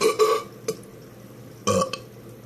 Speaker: the burp on command challenge accepted alright here we go